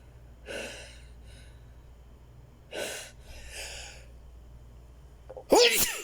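Several sharp sneezes in quick succession, each with a breathy intake before it: a run of repeated sneezing.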